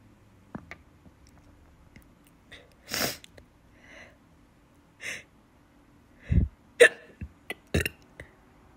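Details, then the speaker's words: Hiccups occurring together with sneezing, which the person says hurts their stomach. Several short, abrupt hiccup sounds at irregular intervals, mixed with a few sharp sneeze-like bursts, in a quiet room. "It's really hard to have them together, like sneeze and hiccup. I'm sorry. I'm gonna try to drink water."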